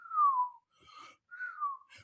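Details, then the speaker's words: High, musical whistling tones with each breath, separated by softer airy noise: wheezing from airways narrowed by inflammation or secretions. "pero es característico niños que están respirando y tiene ese ese sonido peculiar como un silbido"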